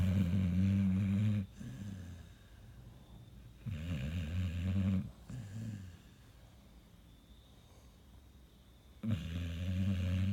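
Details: Sleeping Pit Bull dog with sleep apnea and restless leg syndrome snoring: deep, rattling snores with quiet gaps between breaths.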